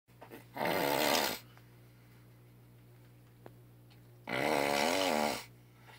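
Two loud, rattling inhaled snores about four seconds apart, each lasting about a second, with quiet pauses between them: ordinary snoring.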